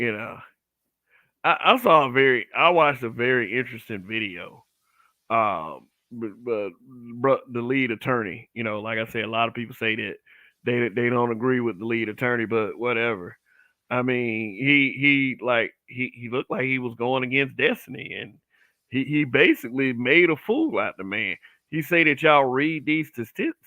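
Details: Adult man who says he stutters a little on certain words; audible word repetitions; stuttering.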